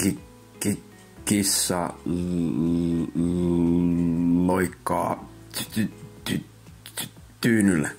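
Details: Acted demonstration of stuttering by an animated character who stutters sometimes, in Finnish speech; stuttering.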